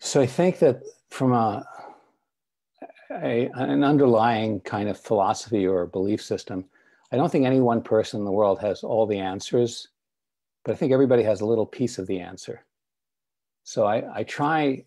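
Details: Adult male speaker; typical speech.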